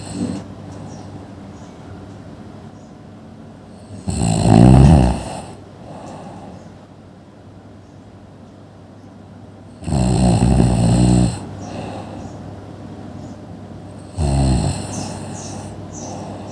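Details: Sleeping person: three loud, rough inhaled snores several seconds apart, separated by quieter breathing; ordinary snoring.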